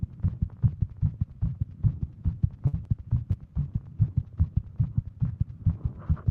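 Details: Female with Wolff-Parkinson-White syndrome, sitting at her desk, heart pounding all day, smartwatch rate over 150; rapid, pounding low heart thumps in close succession, tachycardia.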